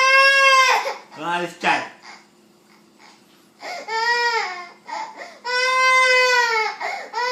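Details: A young child who has just been scolded sobs in loud, wailing bursts with catching breaths between them; ordinary upset crying.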